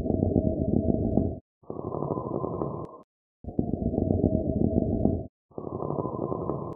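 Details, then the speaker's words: Pleural friction rub: a harsh, low-pitched grating sound through both breathing phases, with the patient likely to have pain on deep breaths or coughing. "you're going to hear this harsh grading sound in addition your patient's probably going to have pain especially when they take deep breaths in or they cough now let's listen to that audio of a pleura friction rub again"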